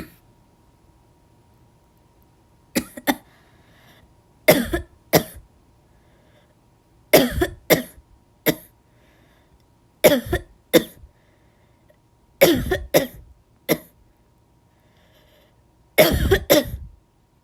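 Repeated short, sharp coughs in clusters of two or three, with no rattle: a dry, non-productive cough.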